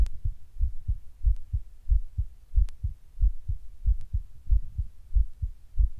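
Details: Person sitting at rest records their heart suddenly beating weird and hard, intermittently getting fast: soft low thumps about 94 per minute, somewhat uneven spacing, occasional clicks; palpitations.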